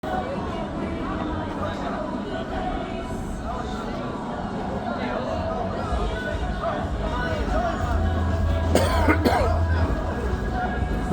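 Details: Two sharp, close coughs from an adult man right beside the listener, over busy crowd noise and music at a Christmas market Ferris wheel. Cough.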